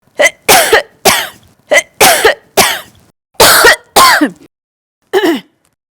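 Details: About eight or nine harsh, voiced cough bursts in short clusters with quiet gaps between, from an adult woman in a coughing sound-effect recording; an ordinary cough.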